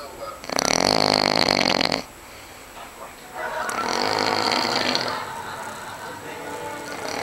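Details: A very loud, harsh, rattling snore lasting about a second and a half, then a softer breathy snore, from an adult man asleep in a hotel room; sounds almost like suffocating.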